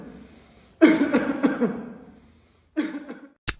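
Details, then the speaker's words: Asthma cough: a deep breath before coughing, then a run of two to three strong coughs and a second short burst, attempting to open and clear inflamed, narrowed airways. "in asema inflammation and narrowing of the Airways lead to this characteristic cough the deep breath is an attempt to open the Airways followed by multiple strong cuff to clear them"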